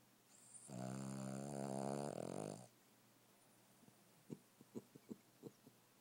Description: Dog that snores. Really loud!